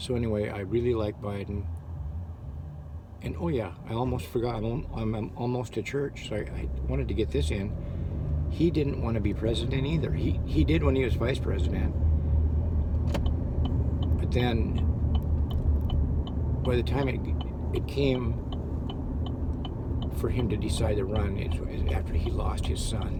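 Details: Adult who had severe stuttering that still crops up, probably heard now as stammering and hesitating; stuttering.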